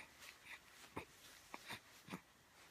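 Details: Four short, sharp nasal bursts in quick succession in a quiet room: a run of small sneezes from a dog.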